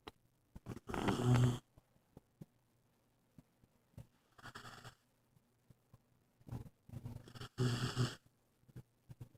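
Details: Newly adopted family dog snoring: loud rattling snores on breaths in, with soft clicks and snuffles between.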